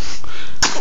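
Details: Baby sneezing; a sneeze.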